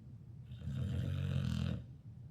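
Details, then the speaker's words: A 2-year-old female dog snoring while asleep: a single long, loud, low rattling snore rising and fading over about a second and a half, likened to a chainsaw. "And this little snore that she does when she's sleeping, that's just her."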